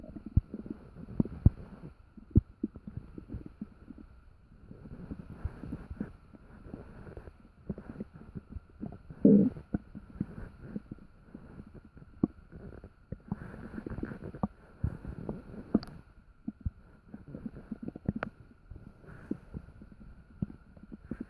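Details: Active bowel sounds (borborygmi) recorded in the middle of the night while still digesting dinner: frequent low gurgles and rumbles from the abdomen.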